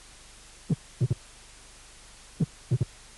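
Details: Late mitral opening snap, about 10 hundredths of a second after the second heart sound, a teaching recording from a cardiac auscultation course.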